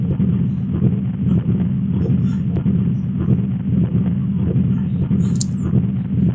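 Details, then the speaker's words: Continuous machinery murmur of patent ductus arteriosus, waxing and waning but continuous through systole and diastole, like a machine or a train on its track. "sound is decreasing increasing but it is continuous during the cy and diastol like a machine type."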